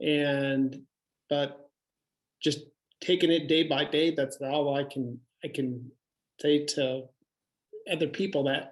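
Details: Adult male stroke survivor with aphasia after his second stroke, with difficulty reading, writing and talking that is improving; aphasia.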